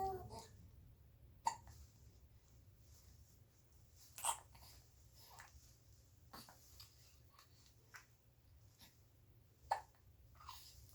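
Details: 67-day-old happy infant: several short, sharp hiccups a few seconds apart, with soft vocal noises in a quiet room.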